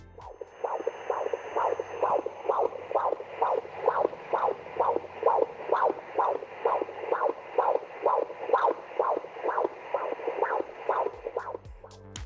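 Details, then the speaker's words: Fetal heartbeat recorded with a portable fetal Doppler from a patient, given as a sample of what the heartbeat should sound like: fast, regular whooshing thumps, galloping-horse rhythm, about 130 beats a minute, a normal rate. "one of the best ways to tell the difference between your baby's heartbeat and something else is to study what it should sound like here's a sample from one of my patients I recorded the other"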